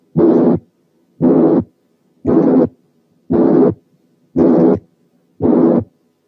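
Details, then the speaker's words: Harsh systolic murmur, given as a contrast to the blowing, higher-pitched murmur of mitral regurgitation: a rough, grating murmur with each beat at about 58/min. "وعشان نقدر نابريشيت الكواليتي دي كويس تعالوا نسمع مثال من هارش ميرمر يعني فيها خروشه."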